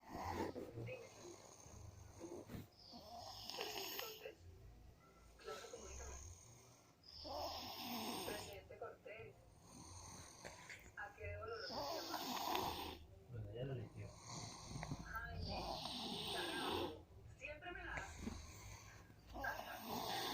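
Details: Irregular, rattling snoring breaths of varying loudness, about fifteen a minute, with some room noise; snoring.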